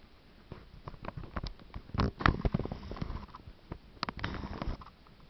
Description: Stomach Sounds Caused by Stomach Ulcer